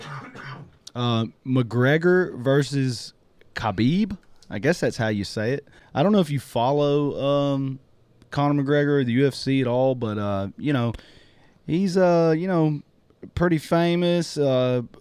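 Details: Adult male speaker; typical speech.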